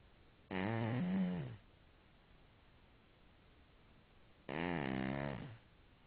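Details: Snoring in a sleeping cat: two drawn-out, buzzy, tonal breaths about four seconds apart in a quiet room.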